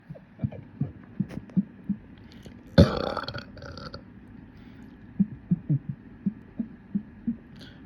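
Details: Deliberate bubbly burps in a burping session: one loud, drawn-out, rough belch lasting about a second among softer low throaty sounds.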